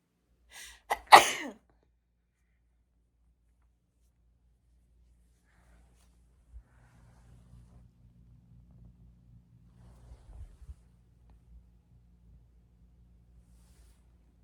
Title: How to sneeze nonstop ( Part 22)